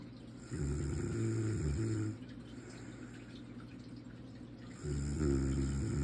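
Two low, rattling snores with quieter breathing between, against steady room noise.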